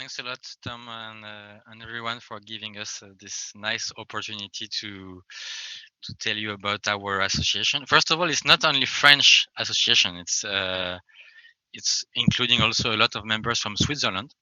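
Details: Adult French man who describes himself as a person who stammers, speaking English; stuttering.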